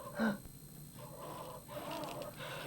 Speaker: so suppose my rise time was short so I just have to be full of anxiety not breathing like this